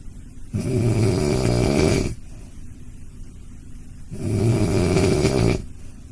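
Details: Sleeping dog snoring: two long, loud rattling snores about four seconds apart, with quiet breathing between them; ordinary snoring.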